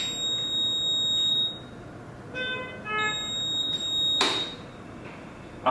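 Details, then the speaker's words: Steady high electronic tones, then a short rising series of beeps and a click as a PB 840 mechanical ventilator powers on to its welcome screen before the SST; normal start-up tone. "the welcome screen has been short you have an option for you to perform the SST"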